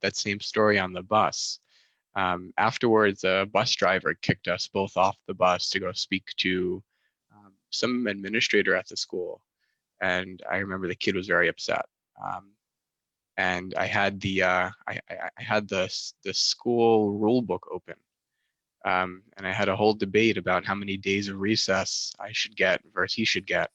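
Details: Stuttering since childhood in a young adult male master's student who had speech therapy from about age 10-11; some situations, such as ordering at restaurants, still trigger it.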